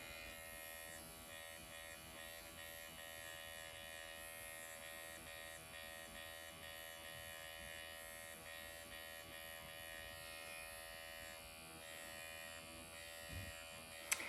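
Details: MD Needle Pen microneedling self-treatment of the upper lip with downward strokes after strong numbing ointment: steady high electric buzzing of the small motorized pen running continuously in a quiet room.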